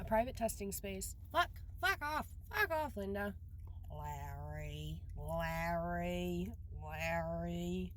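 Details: Male university student with Tourette syndrome and other disabilities; vocal tics, including coprolalia and repeated words.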